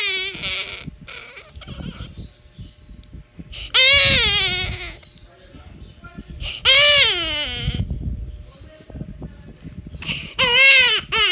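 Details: An infant crying: loud, high-pitched wailing cries in bursts, with quieter fussing and breaths between them.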